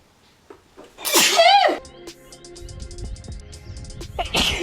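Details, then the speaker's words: A single loud, wet sneeze with a sharp inhaled lead-in, music in the background; a woman with bad allergies sneezing while applying makeup. "Oh well, but oh my gosh, I'm going to sneeze. That was a wet one."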